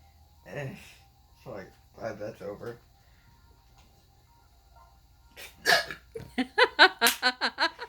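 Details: Son with a sudden bad case of hiccups while playing a video game: sharp, voiced hiccups in a fast run, at times with laughter, against game music; later he says he can't breathe.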